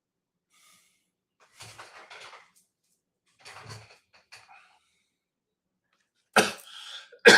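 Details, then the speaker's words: An adult man clears his throat softly several times, then gives two sharp, loud coughs; he says it is really bad allergies, not sickness. "Man, I'm sorry I'm sorry I sound like a frog today. It's not that I'm sick. It's just like really really bad allergies for some reason."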